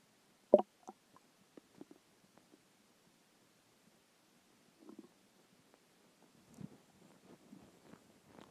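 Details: Hunger stomach noises after a skipped lunch: quiet, scattered gurgles and clicks with soft bubbling runs; normal bowel sounds (borborygmi).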